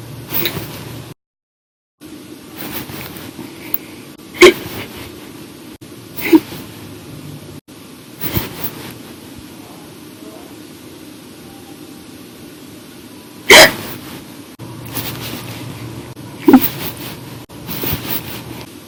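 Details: Hiccups after drinking a bottle of soda after dinner, an episode lasting 1 hour 51 minutes; several brief sharp catches a few seconds apart over steady room or fan noise.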